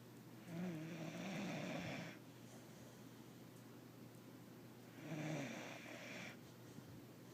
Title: Snoring little puppy